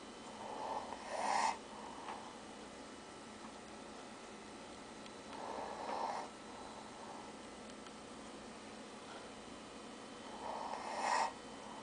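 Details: Soft, regular snuffling snores with a short snort at the end of each breath, over steady room hiss; gentle snoring.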